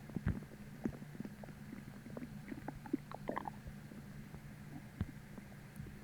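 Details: Stomach growling (borborygmi) about twenty minutes after a deep, empty, starving feeling, an hour after still feeling bloated from a heavy dinner the night before. Faint gurgles and soft popping squeaks over a low steady hum.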